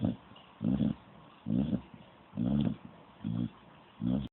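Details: A dog gives six rhythmic, low rumbling snorts in about four seconds, roughly 70 a minute, with quiet gaps between: snoring.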